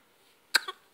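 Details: One brief, small cough from a smiling infant boy who has hiccups, in a quiet room.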